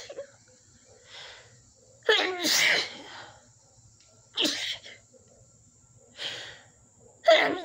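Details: Woman's loud sneezing fit set off by dust after her nose had been itchy all day: a run of about four loud sneezes, each preceded by a short in-breath.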